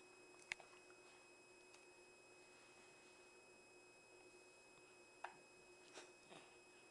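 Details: Hiccups: two sharp, brief hiccup clicks about five seconds apart, with fainter catches after, in a quiet room.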